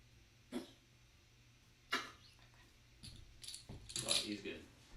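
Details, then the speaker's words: Several short, dry, husky coughs from a dog in a quiet indoor kitchen; the owner says he is fine and just does that. "that's just my dog I don't know if you can hear him coughing he's fine he just does that"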